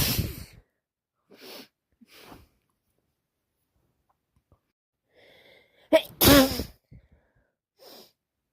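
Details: Repeated sneezing with a bad cold: two sneezes, the second preceded by a sharp intake, with quiet sniffs between.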